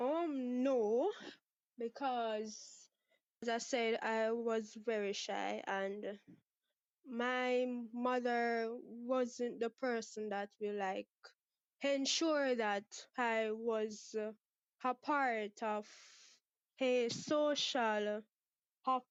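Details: Stuttering in a 23-year-old woman from Jamaica, present since about age six; father and sister also stutter; never had speech therapy.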